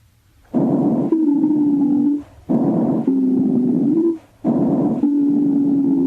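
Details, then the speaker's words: Teaching example from a thorax and lungs exam: rapid breaths with a sustained high-pitched, hissing, shrill musical whistle through the latter part of each cycle; wheezes. "wheezes are relatively high pitched and have a hissing or shrill quality and often suggest"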